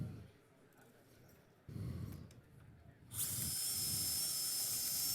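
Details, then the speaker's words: Powered surgical drill with a 4.3 mm bit drilling for the locking screw through the aiming device in femoral neck fracture fixation with the Femoral Neck System (FNS): a steady high-pitched motor whine after quiet room noise. "the next on last step is to insert this locking screw through the same aiming device we put this in we use the same drill as we heard already four point three"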